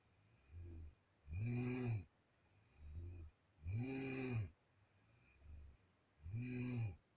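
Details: A sister sleeping in the middle of the night: loud, low rumbling snores on each in-breath alternate with quieter breathy exhalations, about three cycles in seven seconds; habitual snoring.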